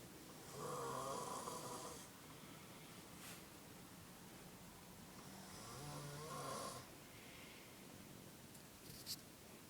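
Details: Snoring: two long, rough, vibrating snores about five seconds apart in a quiet room.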